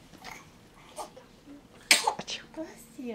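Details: Sneeze from a newborn baby girl, described as a frequent sneezer the night before: one sharp, explosive sneeze over soft background talk in a small room.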